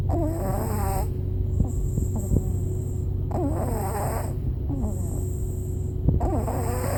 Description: Jasper The Pug Snoring In The Car